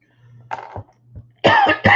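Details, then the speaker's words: Lingering cough after a cold, speaker suspects more than the cold: a soft cough followed by a loud burst of two or three harsh coughs over a low hum; cough. "Yeah, I'm still getting over this cough thing. But I think there's more to it than just the coughing from the cold."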